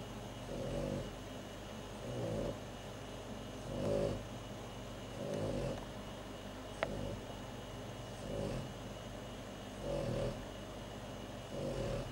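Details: Sleeping pet snoring: soft, regular low snores, about eight in twelve seconds, over steady room hum.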